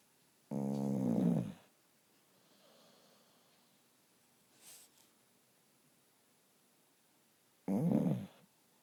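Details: Person asleep snoring: two loud, deep, rumbling inhaled snores about seven seconds apart, with quiet breathing between; ordinary snoring.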